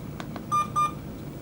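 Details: Emergency department PCA pump being programmed: two soft keypress clicks, then two short electronic beeps confirming the dose (2 mg/h continuous plus 0.5 mg every 15 minutes, max 4 mg/h) is below the very high dosing limit.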